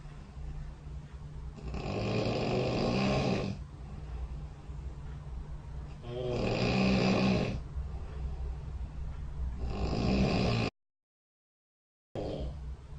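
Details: Three rough, rattling snores on breaths in, about every four seconds, roughly 15 breaths a minute; sleep snoring recorded overnight by a bedside snore-tracking phone app.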